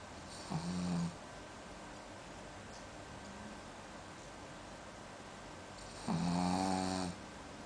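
Two long, rattling, buzzy breaths about five seconds apart, with quiet room noise between them: snoring in a sleeping dog.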